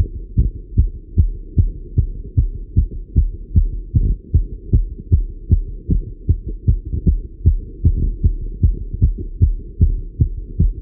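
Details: Male heartbeat recorded while riding a bike: regular low heart thumps at about 150 a minute over a steady hum; a fast but regular heartbeat from exercise.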